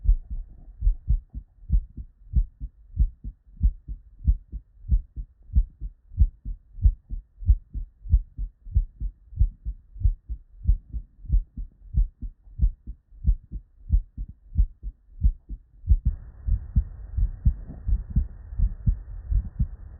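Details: Real, unedited human heart sounds recorded at the bedside from patients with normal cardiac physiology; normal S1 and S2.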